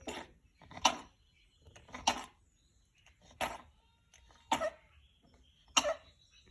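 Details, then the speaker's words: Lamb with pneumonia and a temperature, treated with medicine and isolated in a sick pen away from the flock. It gives five or six short, harsh coughs about a second apart. "if they showed signs of pneumonia and had a temperature we would treat them with some medicine and then they would be removed and put into this small stick pen it's a way you can hear it coughing"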